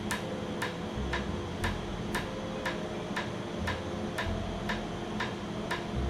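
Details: Laser tattoo removal on a numbed patient's lettered tattoo, first session: sharp evenly spaced snapping clicks about two a second over a steady hum.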